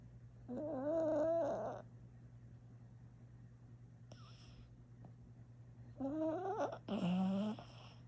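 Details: Cali, a service dog, sleeping with two loud, tonal, whistling snores about five seconds apart and quiet breathing between: snoring.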